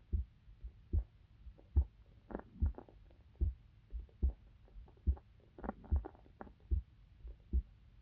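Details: Heart sounds of a female university student recorded for sleep-inducing ASMR: steady low thumping heartbeat at about 70 beats a minute with a faint hum underneath, normal heart sounds.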